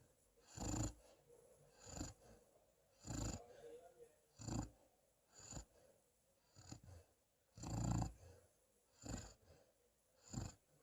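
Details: Black female East European Shepherd dog snoring while asleep: regular short snorting snores with each breath, about 40 a minute.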